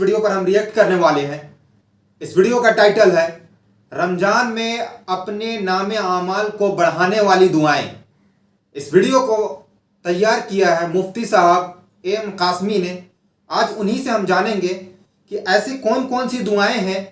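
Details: Adult speaker; normal speech.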